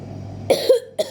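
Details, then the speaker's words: Two short, dry coughs over a low background hum, from a person reading a book aloud who says they will cough a lot because they think they are sick. "You will hear me coughing a lot because I think I'm sick."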